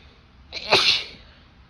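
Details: Sick on Christmas Day, a female sneezes in bed during a tickly fit: a quick intake, then a loud, explosive, forceful burst of air; an ordinary sneeze.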